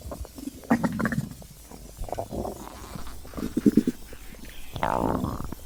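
Low, irregular gurgling and rumbling with bubbly pops and a rising squeal near the end: stomach growling, a normal digestive sound.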